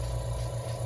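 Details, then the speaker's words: Low, steady motor hum of a suction machine during an open tracheal suctioning demonstration with a 14 French catheter, suctioning water from the basin to clean out the catheter. "we're going to go into our water basin and we're just going to suction some of that water out to clean out the catheter"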